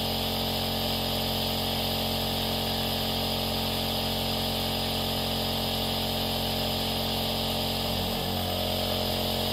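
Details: Aerosol nebulizer compressor running, a steady buzz resembling a hairdryer but more delicate, used as sleep sound for babies.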